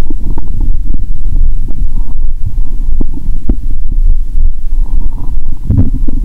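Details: Borborygmi via stethoscope over the abdomen of a person after drinking cola, belly described as bloated; low rumbling with scattered gurgles and faint clicks, ordinary bowel sounds.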